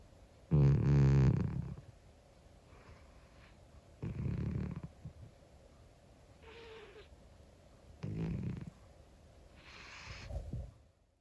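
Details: Monkey, a 25-year-old calico cat, snoring while asleep: four rough, low snoring breaths about four seconds apart, roughly 15 breaths a minute, with quieter exhalations between; uncut recording.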